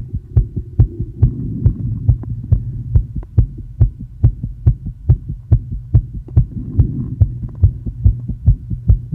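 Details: Woman with asthma after inhaling probably too much salbutamol; tachycardia rising from the 110s to 170 bpm, with pushes and exhale breath-holds tried. Rapid, regular heartbeat about 140 a minute over a steady hum.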